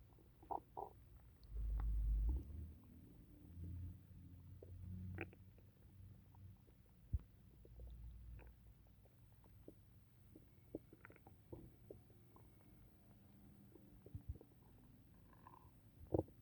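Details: Stomach noises after drinking tea, which the person says always sets their stomach off: low gurgling rumbles and bubbly squeaks, borborygmi.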